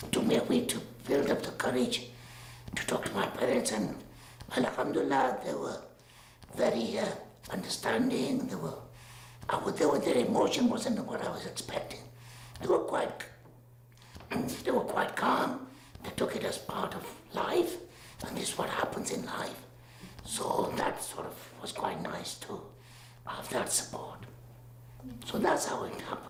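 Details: Man with full laryngectomy in 2008 for laryngeal cancer recurring after radiotherapy; changes his own voice valves; reduced voice, mistaken for a woman on the phone. Finding: tracheoesophageal speech after total laryngectomy.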